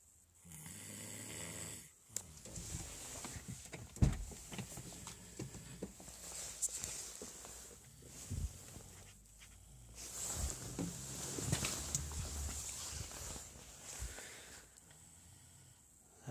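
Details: A sleeping dog snoring: irregular rumbling snores with snorts and nasal whistles in a quiet room.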